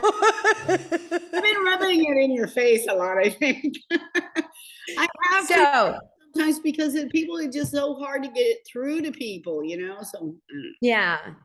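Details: Adult woman speaking; ordinary speech.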